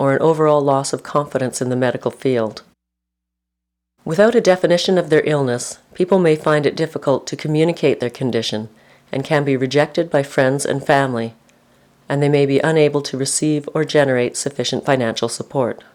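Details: Adult narrator; normal speech.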